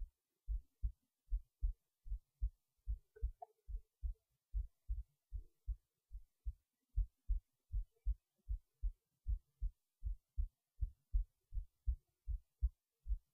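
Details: Heartbeat recorded while resting in bed late at night before sleep: steady paired low thumps at about 75 to 80 beats a minute, a calm normal resting heartbeat.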